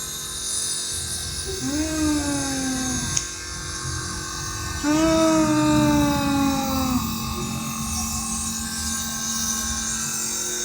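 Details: Steady mechanical buzzing hum of a nebulizer compressor during a small child's nebulizer treatment for a long-standing cough, with the child's brief whining cries over it.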